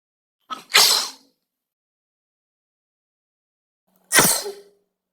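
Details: Human sneezing from a compilation of men, women, children, babies and elderly people: two separate sneezes, each a quick intake then a sharp hissing burst, with silence between; ordinary sneezing reflex.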